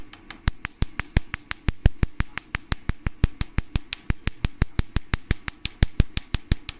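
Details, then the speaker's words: Rapid, sharp snapping clicks, about 87 a minute, from a portable Nd:YAG laser during a carbon peel (black dot treatment) at about 5–6 Hz and power 300–400, popping carbon off the skin; Nd:YAG laser pulses. "we enter now black dot treatment this is carbon balance treatment we enter the frequency almost five to six and power from the three hundred to start 400 is okay"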